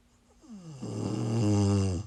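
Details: Woman snoring in sleep while sick: a low, rattling snore that builds through one in-breath, vibrating and buzzing in the throat, over a faint steady room hum.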